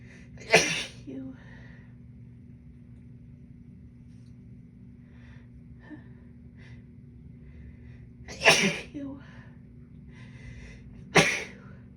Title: Induced Allergy Sneezes & Noseblows